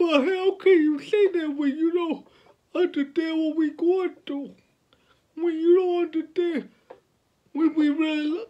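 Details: 29-year-old man with cerebral palsy since birth, born at five months' gestation, speaking about his life and disability; finding: dysarthric speech in cerebral palsy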